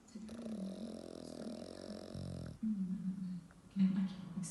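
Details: Sleeping pug snoring: a long, low, buzzing snore, then shorter rattling snorts, loud snoring in a small flat-faced dog.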